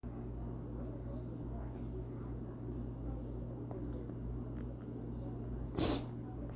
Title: Sneezing Maltese Shih Tzu